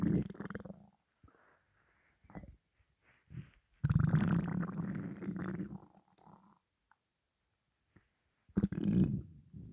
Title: Morning hunger